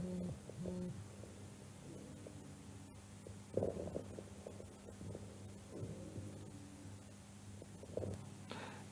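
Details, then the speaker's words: Patient with COPD and pneumonia (imaging shows consolidation and pleural effusion): chest auscultation with scattered inspiratory crackles and musical expiratory wheezes over noisy breath sounds; crackles and wheezes. "es un paciente donde se escuchan crepitantes más cibilancias. Este es un paciente EPOC con una neumonía."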